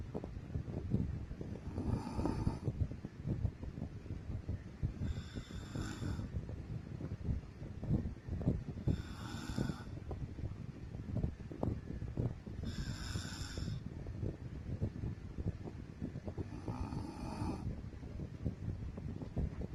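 Rough, low snores on five breaths over about twenty seconds, roughly fifteen a minute, against steady low room noise; ordinary snoring.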